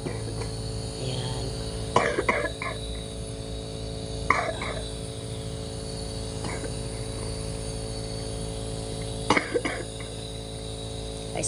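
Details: Several short, dry cough bursts in small clusters over a steady background hum, from a person with a cough being given a smoke (pausok) treatment.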